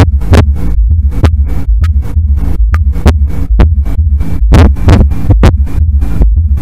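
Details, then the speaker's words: Teaching clip: low heart thumps about 66 a minute with a soft extra sound just before S1, reflecting reduced left ventricular wall compliance, described as always pathological; fourth heart sound (S4 gallop). "فلذلك whenever there is a fourth heart sound there must be a pathology. أو إذا كل الأس 4 هو باثولوجي."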